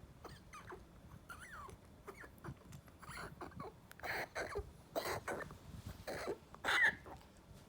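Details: Maltese dog Coco with heart disease and congestive heart failure, on pimobendan and sildenafil, coughing hard at night: soft squeaky breathing, then a run of harsh, forceful coughs, a cardiac cough.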